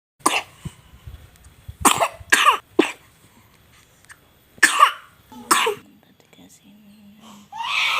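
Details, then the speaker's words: Several short, sharp coughs from a 5-month-old baby, about six bursts with quiet gaps, and faint fussing at the end; infant cough easing after a home remedy. "bayi 5 bulan batuk-batuk setelah pakai cara ini Alhamdulillah mereda batuknya sampai tertidur"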